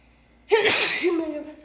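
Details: A single sharp sneeze with a voiced catch before and after from a young woman having an allergy attack that began after work, with a sore throat.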